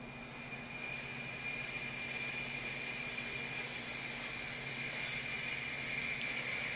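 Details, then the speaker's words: Large volume nebulizer set to 15 L/min, misting before the trach collar is placed on the patient: steady loud hiss of gas flow producing mist for humidification. "before placing the tray collar on the patient set the flow to 15 L per minute and observe the Mist coming out from your"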